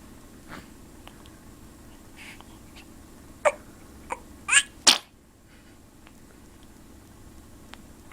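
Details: Little girl sneezing: four quick sneezes in a row, the last two loudest, in a quiet room.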